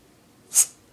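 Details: Dog sneezing on command for treats: a single short, sharp, hissing burst of air from the nose; one sneeze.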